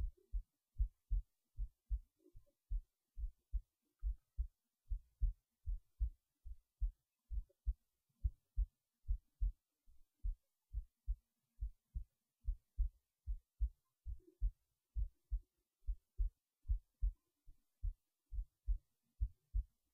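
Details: Heartbeat recorded late at night while resting in bed before sleep: steady low even thumping at about 72 beats a minute; normal resting heartbeat.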